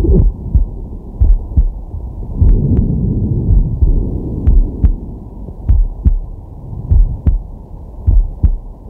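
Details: Man's heartbeat via digital stethoscope on the chest while relaxing/sleeping: steady low thumps about 50 a minute with breathing rustle; normal heart sounds.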